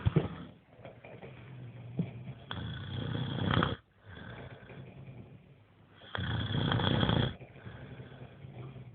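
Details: Two people snoring: loud, rattling inhaled snores, two big ones a few seconds apart with quieter breathing between.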